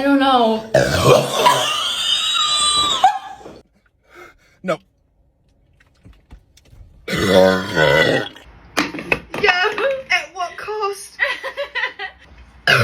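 Long, loud, rumbling belches, a pause, then another burp followed by talk and laughter; burping after a fizzy drink.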